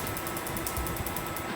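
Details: Rapid steady clicking pulses from a laser device firing during a first tattoo removal session on two small dark tattoos.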